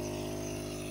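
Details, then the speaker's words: Steady motor hum with low buzzing drone of a home nebulizer compressor switched on by a child, mist visibly coming out, showing it works. "turn it on see it's smoking it's working"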